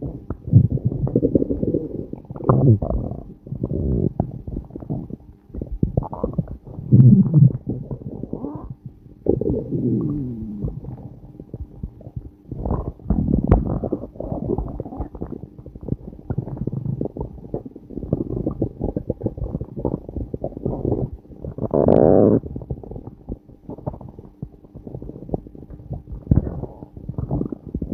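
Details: Active bowel sounds (borborygmi) from an adult's abdomen, recorded on a day with long episodes of flatulence: frequent low gurgling and rumbling stomach growling.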